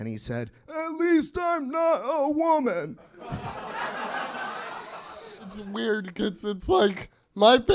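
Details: Adult speaker on stage; ordinary speech.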